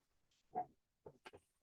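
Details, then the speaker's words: Reverse sneezing in a Dachshund: faint, distant snorting grunts during an episode. "I see just saw that Nora is having a difficulty right this minute having one of those reverse sneezes. They finally have a name for what happens with Datson's when they make that noise. It's called reverse sneeze."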